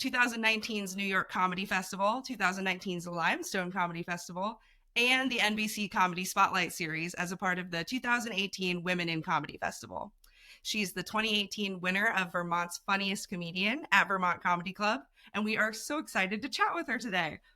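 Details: Adult woman speaking; typical speech.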